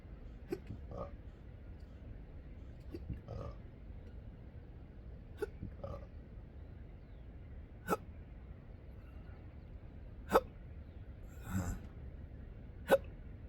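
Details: Irregular sharp hiccups, about six in 13 seconds, with burps between them over quiet outdoor coastline noise at sunrise. Intractable hiccups since December 2015, with breathing and choking spasms, burping, and developing achalasia III.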